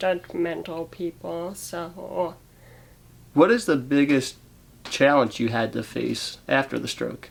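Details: Adult interviewer; typical speech.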